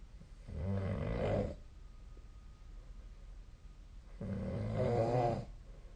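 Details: Two deep, rattling inhaled snores about three seconds apart with quiet breathing between; steady snoring during sleep, possibly recorded with the SnoreLab snoring app.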